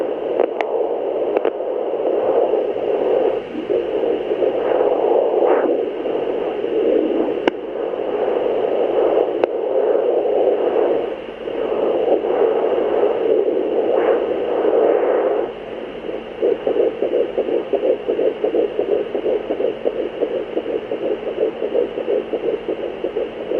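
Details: Fetal heartbeat on Doppler: steady hiss, then rapid rhythmic whooshing pulses of the fetal heartbeat.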